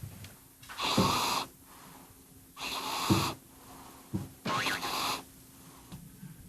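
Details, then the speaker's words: Loud, rough, rasping breathing at about 30 breaths a minute from a heavily overweight 8.2 kg cat. The breathing has become noisy, it can no longer groom its own hindquarters, and the owner worries it may have a heart problem. "살이 찌면서 하체 그루밍은 스스로 못 하게 된 거죠 보호자의 손길이 꼭 필요합니다"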